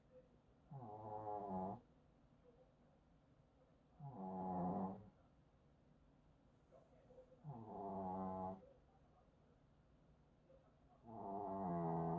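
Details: Sleeping overweight Maltese dog, 3.2 kg, with a bulging belly after sneaking sausages, gives loud, rough, rattling snores on each breath, about 17 a minute, with quiet pauses; snoring.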